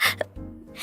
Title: 귀여운 재채기에 빵 터진 ㅋㅋ